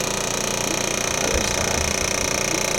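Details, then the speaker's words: Loud, rapid, steady buzzing rattle of a handheld percussive vibration device applied to the calf of an adult woman after hip replacement surgery, used to prepare tissue before radial shockwave therapy. "um this won't really feel like anything just kind of like vibrations"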